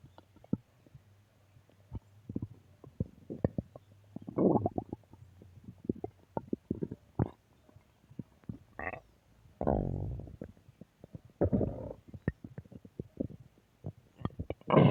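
Frequent low gurgles, pops and longer rumbling runs of stomach growling, normal bowel sounds.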